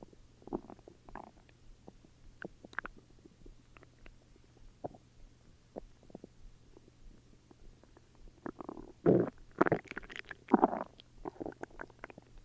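Irregular gurgles and rumbles, louder toward the end, with a low steady hum behind: ordinary stomach growling from gas and fluid moving through the gut.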